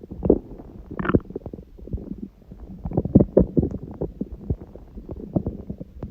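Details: Continuous low bubbling, gurgling bowel sounds with frequent small pops, recorded at 1:30 am after waking, six hours after overeating udon at 19:30; owner suspects gluten after a long break; borborygmi.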